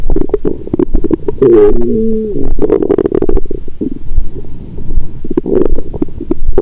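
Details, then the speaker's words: Active bowel sounds heard through a stethoscope on the full, swollen abdomen of an adult after a large dinner with wine, taken after a 22-hour fast. Loud, frequent gurgles and rumbles with brief squeaky tones. "यहाँ से, पेट की आवाज़ों का अनुवाद करना वाकई कठिन था, और मैं टाइम स्टैम्प🙇 भी नहीं बना सका। मेरा पेट हर समय गड़गड़ाहट कर रहा है।"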